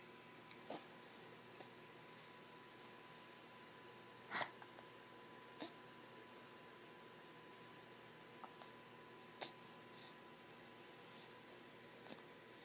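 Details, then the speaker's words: Infant propped sitting up with a pillow has hiccups and is getting frustrated, his whole body vibrating: soft, brief catch-like hiccup sounds recur irregularly, about eight in twelve seconds, over a room hum. "he's getting frustrated his whole body vibrates when he hiccups"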